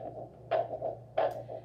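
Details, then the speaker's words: Home Doppler blood pressure: the person is seated after five minutes' rest, with the upper arm at heart level and the probe on gel at the elbow or wrist before the cuff is inflated. Distinct, repeated whooshing arterial pulse, about 90 a minute, over a hum. "you should hear a repeated swish swish or a whooshing sound that is distinct and not caused by the movement of the wand"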